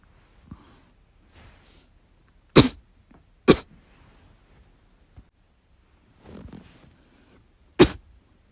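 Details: Three loud, harsh, forceful single coughs several seconds apart, with quieter breathing and throat sounds between, from a person recuperating from illness; cough.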